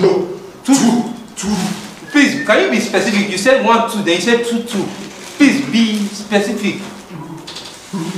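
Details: Adult speaker, acted comedy scene; typical speech.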